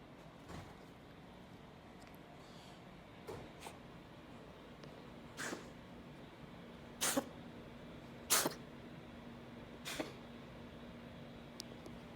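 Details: Cat having a fit of about eight short, sharp sneezes over twelve seconds, some stronger than others; owner unsure whether it is sneezing or something else; steady background hum.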